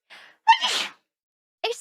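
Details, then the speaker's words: Streamer sneezing while gaming, without holding back: a quick inward gasp, then a single big, forceful, unrestrained sneeze and a short vocal sound afterward. "me oh my gosh that was a big sneeze I wasn't holding back that time I forgot to do my cute sneeze that was a good one"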